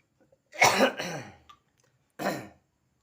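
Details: Two rough, tickly, throat-clearing coughs in a quiet room from a person with a very itchy throat during kerokan (scraping) of the neck and chest; the cough is possibly linked to an iced Nutrisari drink or smoking.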